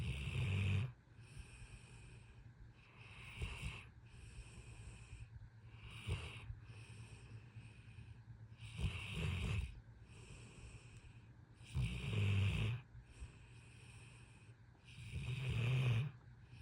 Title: Best snore buddy! #hunk #pitbull #snore #bedtime #funnydog